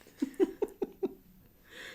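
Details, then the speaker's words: Five quick, low, bubbly gurgles in a row from an adult's stomach during a podcast conversation, then faint room noise: ordinary stomach growling (borborygmi). "That's my stomach."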